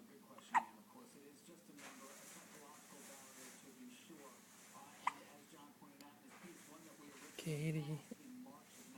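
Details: Katie with recurring hiccups again: two sharp hiccups about four and a half seconds apart, with voices and room noise behind; hiccups.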